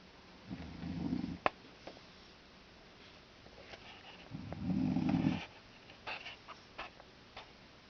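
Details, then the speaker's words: A pregnant woman snoring in a dark bedroom at night; two low, rumbling snores about four seconds apart, with faint clicks and shuffling. "Bulldog would be right underneath doing the same thing if they time it just perfectly it can be one continuous snore"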